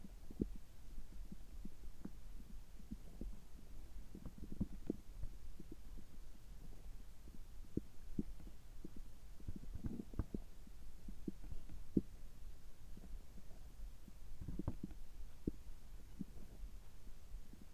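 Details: Abdominal sounds recorded just after a checkup gastroscopy, with normal results; frequent soft gurgles and clicks over a low rumble, active but normal stomach and bowel sounds.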